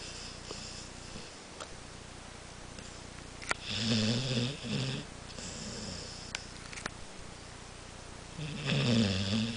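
Soft rhythmic snoring, each breath giving a low rattling buzz on the inhale with quieter pauses between, in a quiet room.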